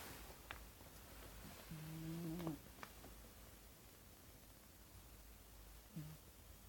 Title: Cat Snoring So Cute